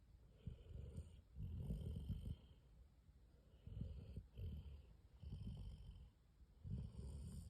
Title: 30 seconds of Graysie the Weimaraner snoring away on the couch…